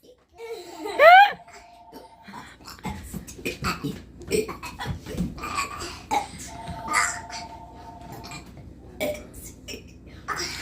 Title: burps with the biscuits!